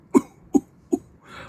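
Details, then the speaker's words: Adult deliberately fakes a cough to mock claims of a severe outbreak, admitting it's put on: three short, evenly spaced cough bursts followed by an in-breath; voluntary, imitated cough, not illness. "我现咳一首给你们听。我的严重咳嗽，"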